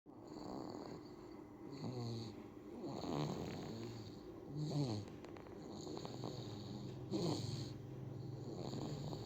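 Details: Soft rhythmic snoring noises with each breath, about 15 breaths a minute, over steady background hiss; infant (baby) snoring.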